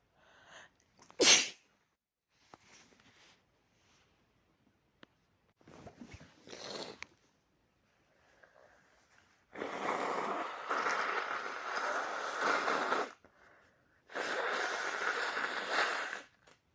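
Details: Person with a cold and a very sore throat: one sharp, explosive sneeze after a short intake of breath, then quieter sniffing and breathing with rustling in a small room; cold sneezing.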